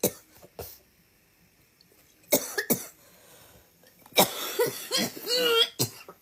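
Several short, harsh cough bursts in separate groups, with brief throat clearing between them.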